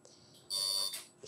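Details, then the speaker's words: Short, high, steady electronic tone as a CO2 laser fires a stamp-like pulse on a second pass over a deep chickenpox scar on the forehead during skin resurfacing; CO2 laser firing. "we're going to go ahead and retreat the same area with the laser just like a stamp the laser"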